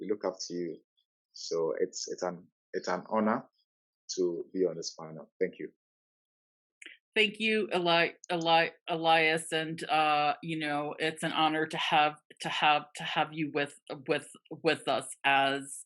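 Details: Adult man from the Netherlands who stutters a lot at times and still finds his stutter hard to accept; long pauses between words suggesting blocks; stuttering.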